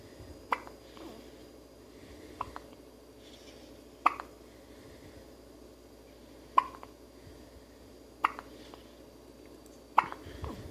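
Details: Baby hiccups: brief sharp hiccups repeating about every two seconds, six in all, in a quiet room; ordinary infant hiccups.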